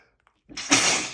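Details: Man reading a book aloud, announcing he has to sneeze: a quick breath in, then a single loud, explosive sneeze in a small room.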